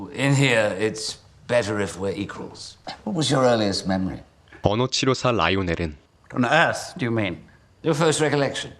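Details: Adult male actor; Normal fluent speech.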